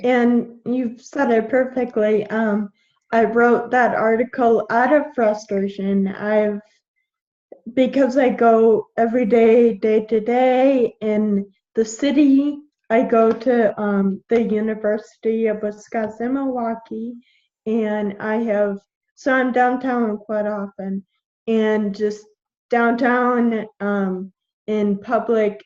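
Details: 21-year-old woman with Friedreich's ataxia, a genetic neuromuscular degenerative disease; symptoms from about age 9, diagnosed at 13, with progressively slurred speech; ataxic dysarthria.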